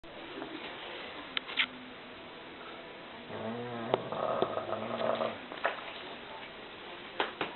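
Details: English Bulldog exhausted with a full stomach, snoring: low snorting, rumbling breaths with a brief grunt and some clicks, typical of a flat-faced dog.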